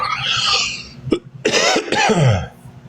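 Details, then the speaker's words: An adult who says they are breathing a little better gives a short throaty sound, then two forceful, harsh coughs in quick succession while eating a cough drop. "Coughing while eating a cough drop."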